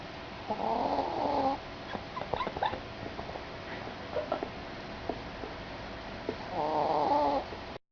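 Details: Chihuahua dog, a deep sleeper, with two rough buzzing snores and small snuffles and clicks between them during sleep; snoring.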